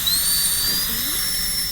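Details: Steady, piercing high-pitched whine of a high-speed dental drill cutting a maxillary premolar class II cavity preparation during a dentists' training course, with teaching commentary.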